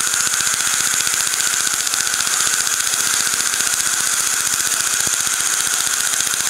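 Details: Steady loud hiss with fast, regular crackling pulses from a dental laser used to remove veneers.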